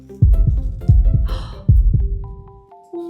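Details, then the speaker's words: Simulated normal heartbeat in a children's stethoscope play scene: a nurse listens to a doll's heart, a strong, regular lub-dub at about 80 beats a minute over soft music. "Wow, you have a really strong heart. Thanks for letting me listen."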